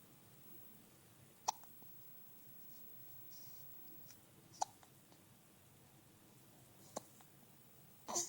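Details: Infant boy getting upset by his hiccups: sharp, brief hiccup clicks recurring every two to three seconds in a quiet room.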